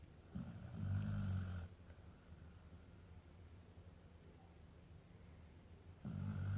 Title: American Akita snoring! So funny!!